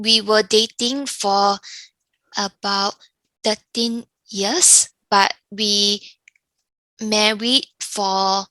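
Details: Younger adult woman with aphasia following a stroke; aphasia.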